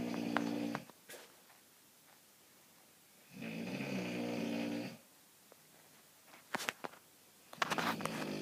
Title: Loudest snoring ever